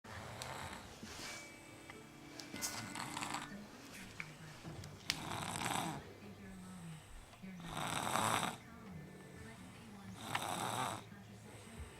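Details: Snoring in a young girl described as a very tired baby, about five snores in twelve seconds, partly masked by background music and speech.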